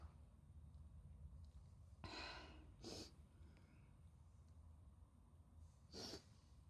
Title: chhinkni fit of sneezes